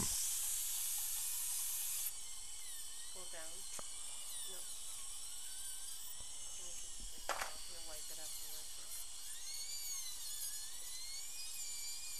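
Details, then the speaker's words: Steady high hiss and whine of dental suction, with instrument noise and faint talk, as the suction tip is switched to retract the lingual dam while preparing tooth #5 for crown replacement under rubber dam. "we'll have to switch to the other suction tip now because you'll need to retract the lingual Dam"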